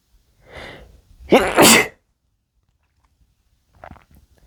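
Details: Breathy build-up then one loud, explosive sneeze with a faint sniff afterward, from a drunk adult male; sneeze.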